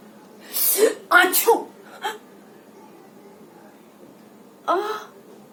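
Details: Acted, staged sneezing by a woman portraying someone with a cold: a sharp gasping build-up, then two or three quick bursts and a later single burst.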